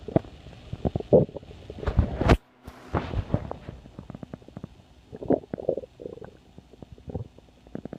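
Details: Stomach growling: low gurgling rumbles and bubbling pops in irregular bursts, ordinary sound of gas and fluid moving through the gut (borborygmi).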